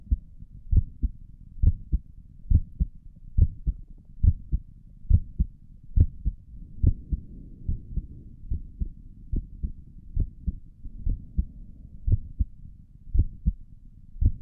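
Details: Own heartbeat recorded through a stethoscope on the chest for relaxing ASMR: steady paired lub-dub at about 70 a minute; stomach gurgles occur in the recording; normal heart sounds.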